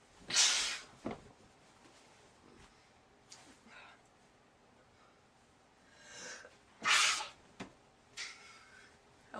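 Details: Sneezing attack in bed, at least the fourth sneeze, too many to count and using many tissues: two sharp, hissing sneezes about six seconds apart, with a drawn-in breath before the second.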